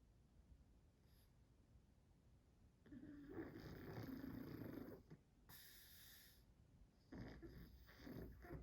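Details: Pug snoring while asleep and dreaming: loud, rattling, snorting breaths with harsh, noisy intake, typical of a flat-faced dog.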